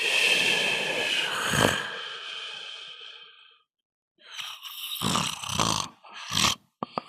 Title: Me Snoring in the sun